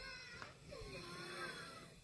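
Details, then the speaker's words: Wheezing audio clip played back through a microphone to illustrate chronic bronchitis and COPD; faint musical, whistling tones through the breath, from airways narrowed by swelling or mucus. "my mic here maybe you can hear it but now that sound is the airway being narrowed constricted down from either swelling or mucus"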